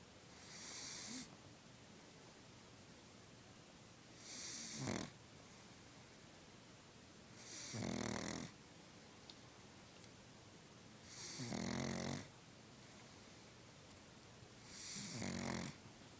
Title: Sleeping, Snoring, Pug